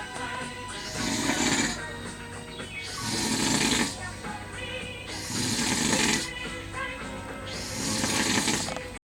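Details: Man snoring in a hotel: loud rattling snores on each breath, about four in nine seconds, with music playing in the background.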